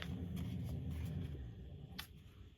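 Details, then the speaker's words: Faint, low rumbling snore about a second and a half long from a sleeping dog, with soft paper and crafting sounds nearby: dog snoring. "Can you hear the dog snoring?"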